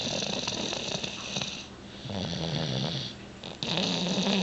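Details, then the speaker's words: Someone asleep on the couch in pajamas after a long day; soft, rough snoring with room noise and a brief quiet stretch. "had a really long day to sit around on his jammies and he fell asleep on the couch let's listen"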